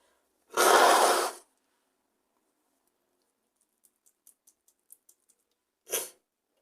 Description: I'm still sick but I'm getting better! still very congested too so I tried to induce some sneezes to help!